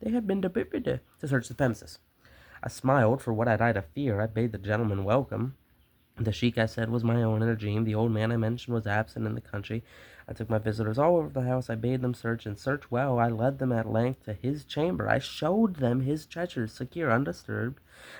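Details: Stuttering in an adult male reading a story aloud; he describes a speech impediment that makes him hard to understand and says he is stuttering a lot.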